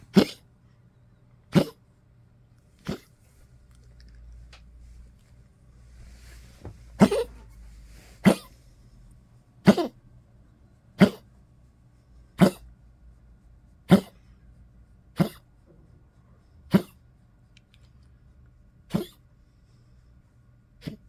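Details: Old Poodle coughing on waking in cold weather, a run of about a dozen short, sharp, dry coughs over twenty seconds, then trying to go back to sleep; dog cough.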